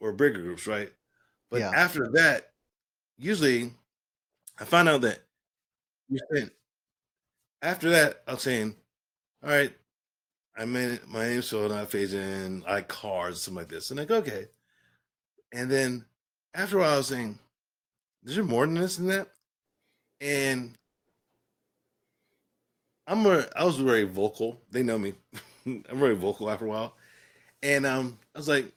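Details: Adult man with aphasia following a stroke, speaking in conversation.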